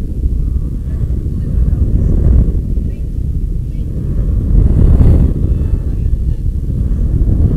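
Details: Steady low rumbling crackle swelling with bursts of contraction; surface EMG from a homemade battery-powered instrumentation-amplifier device fed to a computer sound card while the user lifts weights; muscle electrical activity as sound.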